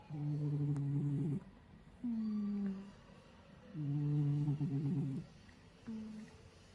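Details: Cat in deep sleep snoring: rhythmic low buzzing snores alternating with shorter humming breaths, about four breath sounds.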